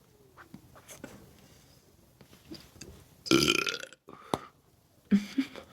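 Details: A loud, rough deliberate belch, then a shorter second belch, with quiet room noise; burping by a self-described world record holder for loudest burp.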